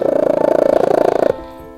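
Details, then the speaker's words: Domestic cat purring while being stroked or held by its owner: a steady, rapidly pulsing low rumble, ending as music takes over. "Hai apakah cat loba sering mendengar dengkuran seperti ini ketika kamu sedang mengusap atau menggendong kucing kesayangan mu suara dengkuran seperti ini"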